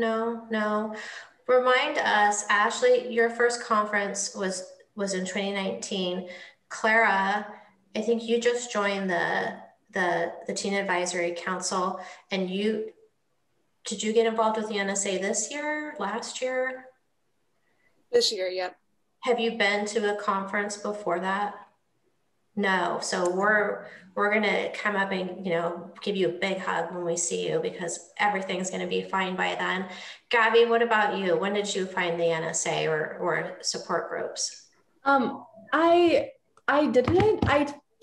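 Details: Adult woman speaking, brief reply from a younger speaker; conversational speech.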